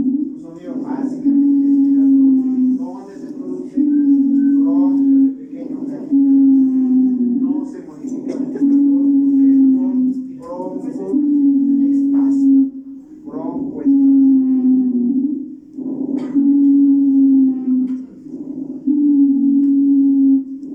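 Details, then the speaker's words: Teaching example of wheeze: musical whistling with each breath, about 24 breaths a minute, expiratory, from bronchospasm in small-calibre bronchi, not changed by coughing. "io se va a producir en los bronquios de pequeño calibo ya en los bronquios de pequeño calibre se produce un broncoespasmo y va a ser espiratoria no se modifica con la tos"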